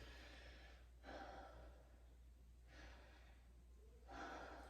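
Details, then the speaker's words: Patient taking slow, easy deep breaths on request during the airway and breathing part of a nurse's head-to-toe assessment, without wheeze or strain; airway unobstructed, breathing unlaboured. "Upon observation, patient's airway is unobstructed and patient is breathing unlabored."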